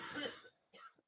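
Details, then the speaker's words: Two harsh coughs, a longer burst then a shorter one, from an adult woman with coughs and sniffles from a cold; cough. "as you can hear amy's got the coughs and the sniffles"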